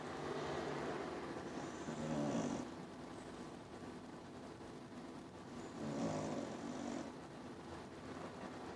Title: Lola snoring away.